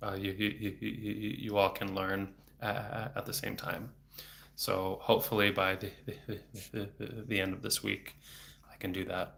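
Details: Adult male speech-language pathologist who has stuttered since age eight (about 26 years), with speech therapy off and on until his early 20s, speaking without fluency strategies; blocks with throat tension and frequent repetitions; stuttering.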